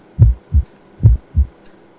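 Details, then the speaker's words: Student skills demonstration on a healthy male volunteer: stethoscope bell over carotid artery, breath held, head tilted up; crisp paired heart thumps about 72/min, no bruit or whooshing; normal carotid auscultation, no murmurs. "I did not notice any heart murmurs while listening to your heart nor did I notice breweries in your carotid your heart rate was between 60 and 90 beats per minute you're very healthy patient"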